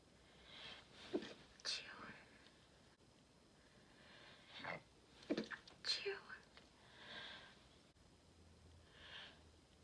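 Two forceful sneezes, each with a quick indrawn breath before the explosive burst, plus softer breathy sounds in a quiet room.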